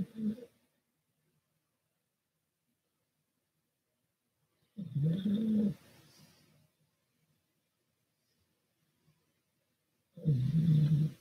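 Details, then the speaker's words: Pet dog snoring in the background from the other side of an RV: low, rumbling snore bursts about every five seconds, with quiet between them. "my dog snores oh you can hear in the background but he's way another side RV"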